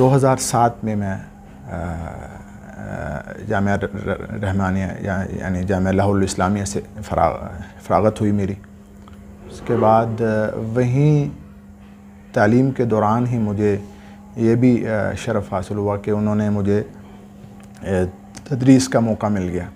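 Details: Adult male imam, Urdu speaker, with a stammer since about age 12 that began while memorizing the Quran; treated by various doctors; he still has difficulty in conversation but recites fluently: stuttering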